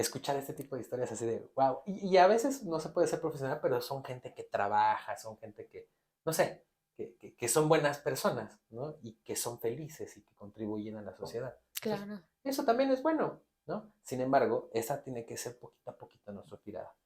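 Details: Adult male speaker; Typical speech.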